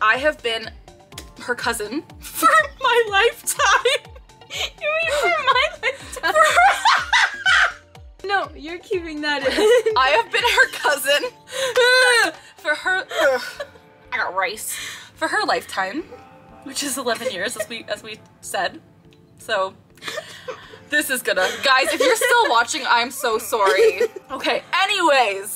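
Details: Adult woman with Tourette syndrome diagnosed at age 12, with both motor and vocal tics; interjected vocal tics in speech; vocal tics (Tourette syndrome).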